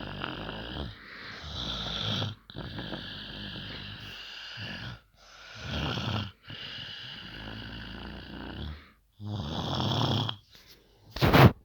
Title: loudest snoring